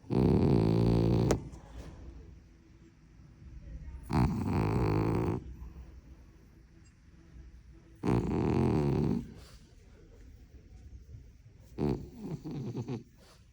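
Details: Sleeping female French bulldog snoring: loud, rough, rattling snores about every four seconds, roughly 15 a minute, with quieter breaths between.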